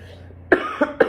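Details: Three short, dry coughs in quick succession from a 17-year-old giving a demonstrative speech to a small audience; he thinks he is coming down with a cold, has a really dry throat and chronic coughing.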